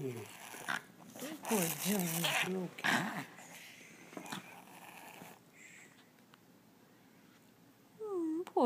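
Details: A dog makes rough, rapid snorting breaths mixed with whining during reverse sneezing. The vet says she has allergies, and she is now on an antihistamine.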